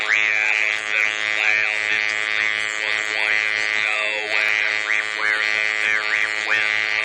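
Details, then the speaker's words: Electrolarynx speech: a brief passage read with the electrolarynx held in front of the lips, heard as flat, buzzing, robotic speech at one unchanging pitch shaped into words by the mouth. "Now, I'm going to read a brief passage for you with the electrolarynx held in front of my lips."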